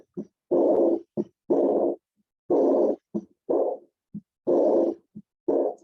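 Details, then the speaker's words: Aortic regurgitation: heart sounds at about 60 a minute, each followed by a loud, blowing, decrescendo early diastolic murmur that starts strong and fades, nearly masking S2. "No sé si alcanzan a apreciar que pues el S2 apenas si se alcanza a escuchar, por lo mismo del que el soplo como que lo opaca, y se le denomina que es decrescendo."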